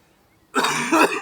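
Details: After a brief silence, an adult gives a harsh, rough cough in two closely spaced bursts, part of a coughing fit from film-shoot bloopers; later no polyps were found.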